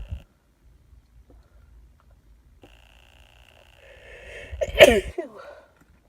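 A single wet sneeze with a rising in-breath before the burst; a hay fever sneeze.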